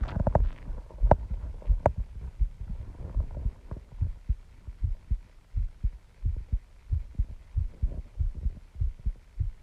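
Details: Own heartbeat recording, person feels heart pounding: steady, regular low thumps at about 80 a minute, with some rubbing noise at the start; ordinary heartbeat.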